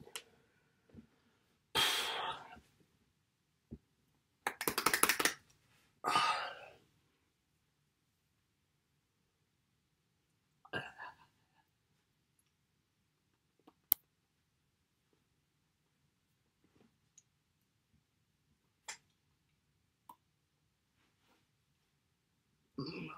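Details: Phonic tics with coprolalia during a Tourette syndrome episode: sudden involuntary outbursts of swear words and phrases, alongside obsessive and motor tics.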